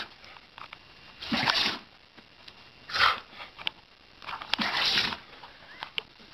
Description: Sneezing fit caught on tape